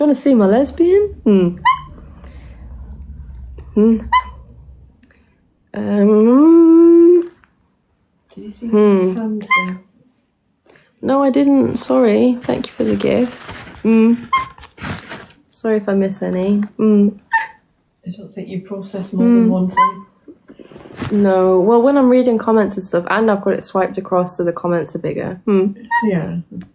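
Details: Vocal tics in a person with Tourette syndrome, making tic noises while awake during a live stream; also reports twitching a lot and grinding teeth during sleep.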